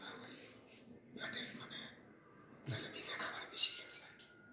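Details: Hoarseness in an adult man (about 29–32) from a biopsy-diagnosed vocal cord tumour, onset about six months earlier, with weight loss, ear pain and throat pain; he smoked bidi and chewed paan.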